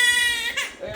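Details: Baby girl crying while her father plays with her: high, tonal infant cry with a clear, steady pitch that breaks and fades, faint room noise; ordinary crying.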